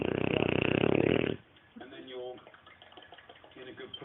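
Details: Neapolitan Mastiff puppy just under 6 months old, sleeping, snoring that the owner calls fairly mild for him: a loud rattling snore followed by quieter snuffling breaths.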